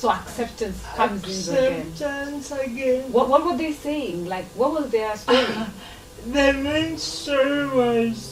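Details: Dysarthria in a 26-year-old woman with lifelong cerebral palsy, who learned to talk much later than other children.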